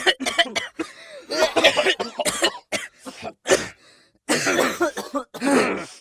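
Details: Sound-effect recording of several adults: repeated harsh cough bursts, some in quick runs with a throaty, clearing quality; cough.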